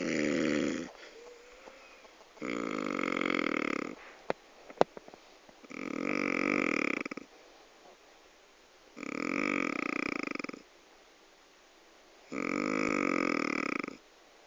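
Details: Extremely loud snoring: rough, rattling snores on each breath in, about 17 breaths a minute, with quiet pauses between; snoring.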